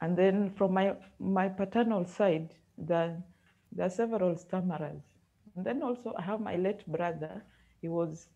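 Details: University student who has stammered since birth and first noticed it reading aloud in class three; the speech therapist links his reading difficulty to blocks, prolongations and repetitions. Finding: stuttering.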